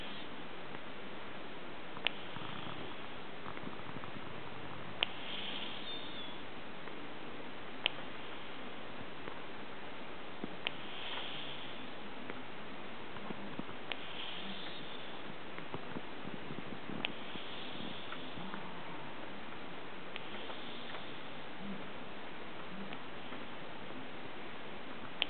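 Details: Sleeping cat snoring with a quiet, rhythmic, low rumbling, roughly 20 breaths a minute; snoring.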